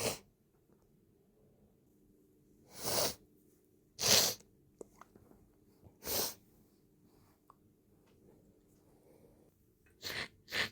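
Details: Repeated sneezing after first use of chhinkni sneezing powder, helped along with a rolled napkin, some sneezes stifled: a run of about six forceful, harsh, hissing sneezes with quiet pauses, in a small room.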